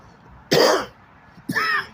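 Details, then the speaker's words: Adult man who says he has had pneumonia for two weeks while living on the streets, describing an extremely severe cough: two harsh, forceful, rough, wet coughs about a second apart. "I got to consume all this water and I have another one because I have an extremely severe cough that likes to throw me off the horse and leave my ankle in the St and just ride like a angry Rhino or something"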